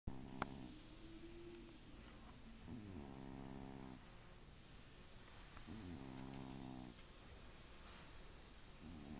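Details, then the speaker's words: Cat sleeping and snoring loudly, steady rattling buzzy snores roughly every three seconds, keeping a Rottweiler awake; owners suspect sleep apnea. "You hear the kitty snoring? Is he keeping you awake? Are you unable to get any good rest?"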